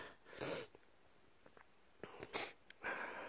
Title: Cold / sickness sneezing fit